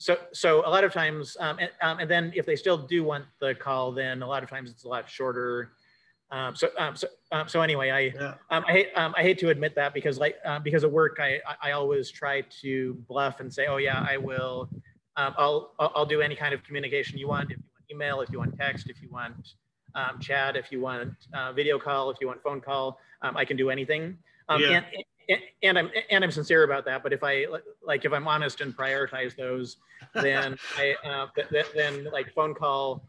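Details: Male who says he has cluttering, telling a story with fast speech, repetitions and fillers; finding: cluttering.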